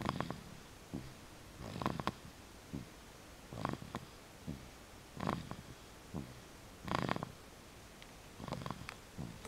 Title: Polly Pip snoring